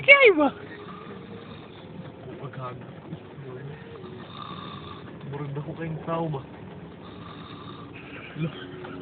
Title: snoring